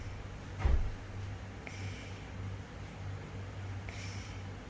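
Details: A sleeping stray cat gives a low, steady rumbling snore with one sharp snort near the start; the snoring is unusually loud for a cat.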